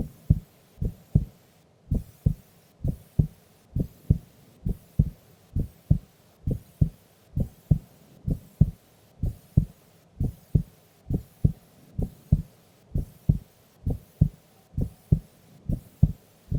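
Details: Female sleeping during an afternoon nap: steady paired low thumps, about 66 beats a minute, regular rhythm; normal resting heart sounds.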